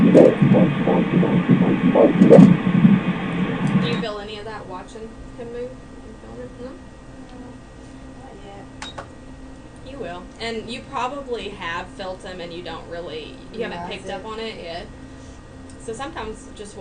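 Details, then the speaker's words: Fetal heartbeat on ultrasound Doppler during a 4D scan of a male fetus: fast rhythmic whooshing pulses, roughly 160 a minute, followed by quiet room talk; a normal fetal heartbeat. "It's gonna be a flasher. Let's listen to that heartbeat again."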